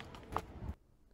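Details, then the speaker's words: A brief dull pop and a soft low thud over faint room noise: a runner's hip popping while stretching tight hip flexors during a warm-up before a 400-meter sprint, bringing relief and better range of motion. "know if you caught that but that i tried to make that sound loud enough so you could hear make it clear but that was the sound of my hip popping as you can tell i was happy with the relief that i got from that"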